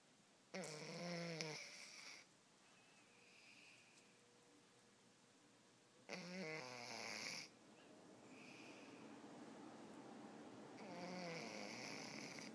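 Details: Snoring in a sleeping cat that the owner says is sick: rhythmic rattling and whistling breath sounds, about 12 breaths a minute, with quiet room noise.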